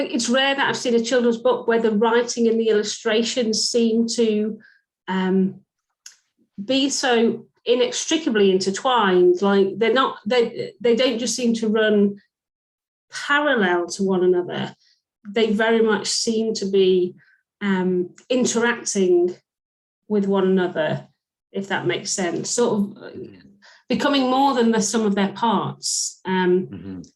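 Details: Adult woman speaking; fluent speech.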